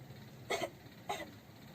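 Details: Simulated effective (huff) cough by a 20-year-old woman who reports being unable to cough, after chest physiotherapy and breathing relaxation: two soft, brief cough bursts after a held breath; she feels relieved afterwards.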